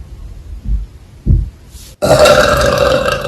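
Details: Two low, rumbling belches, then a sudden jump to loud noisy background sound; burping.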